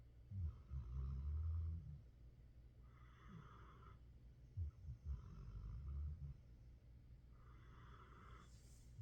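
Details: Dog asleep in his couch spot, snoring: low rumbling snores on each breath in, alternating with quieter breaths out, plus faint room hum.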